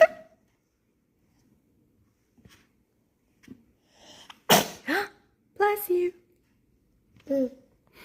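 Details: A single sharp infant sneeze during book playtime with mother, on day 494, followed by soft baby vocal sounds in a quiet room.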